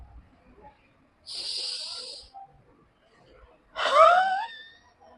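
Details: Seated person demonstrating huff coughing (forced expiration technique) to clear sputum after deep nasal breaths, hand optionally on abdomen; used in COPD, asthma, bronchitis, bronchiectasis.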